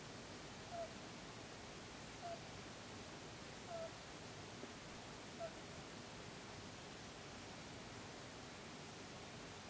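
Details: Mini Rex rabbit snoring and snorting: soft, brief nasal squeaks about every one and a half seconds over steady hiss.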